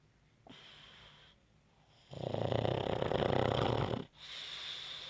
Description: Pug sleeping and snoring